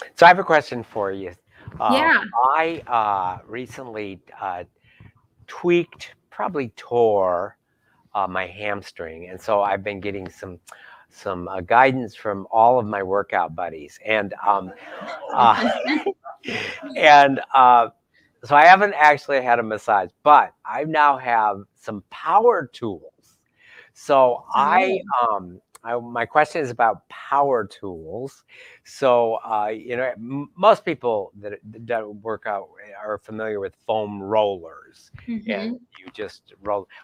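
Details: Adult male speaker; no voice disorder.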